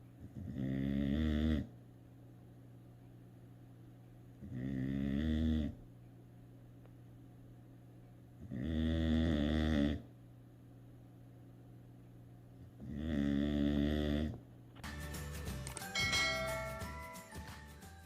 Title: Dog Snoring